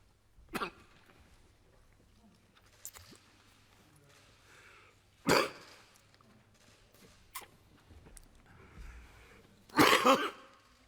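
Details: Adult man's coughing fit during a long parliamentary speech, temporarily losing his voice, later tested for Covid-19: several short, dry cough bursts over a few seconds, ending in a louder double cough.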